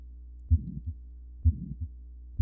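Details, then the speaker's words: Systolic murmur teaching example: heartbeat near 65 a minute, with a swishing sound after each first heart sound (S1) that fills the gap before the second. "you get kind of a swishing sound with S1, swish schwa."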